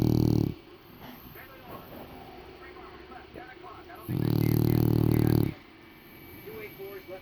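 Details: Loud, deep, buzzing snores about four seconds apart from a sleeping English bulldog after a rough day, with television dialogue in the background; flat-faced dog snoring.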